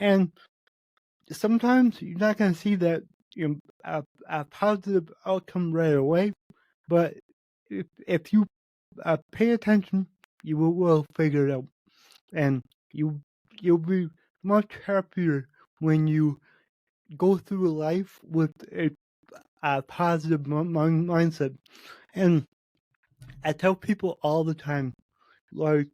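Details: Man with cerebral palsy, which he says affects every muscle in his body, in his own spontaneous speech; he reports his speech has improved since 8 months earlier as his health improved; dysarthria from cerebral palsy.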